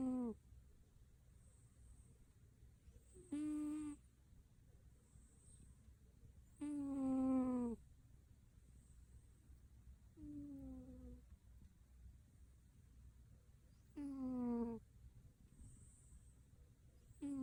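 A sleeping cat makes short, squeaky, whistling snores about every three to four seconds, with quiet breathing between.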